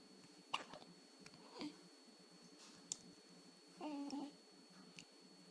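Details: A few brief, sharp, involuntary gulping hiccups with soft breathing and a steady electrical tone in a quiet room; hiccups.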